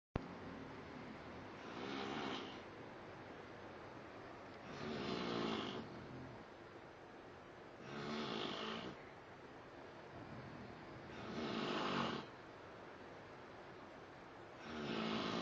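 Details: Loud rough snores on each breath, about 18 a minute, quiet between, from two adult men sleeping in a small room; snoring.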